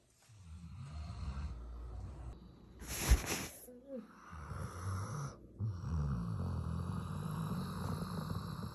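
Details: Sleeping Doberman snoring heavily, low rumbling snores with a snort partway through; snoring.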